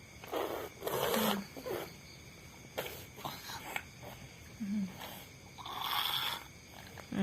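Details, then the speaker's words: Cat snoring while asleep with its eyes open: irregular rough, rumbling, snorting breaths, several loud ones over about seven seconds. "Jadi Miko itu kalau tidur pasti kayak gitu, matanya melek."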